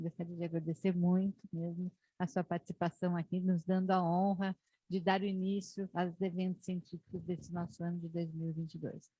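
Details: Adult woman speaking Portuguese; normal speech.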